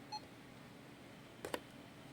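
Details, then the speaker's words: Fresenius Kabi Agilia SP syringe infusion pump being switched off by press-and-hold; a short electronic beep then two quick button clicks in a quiet room. "press and hold, then it gets switched off."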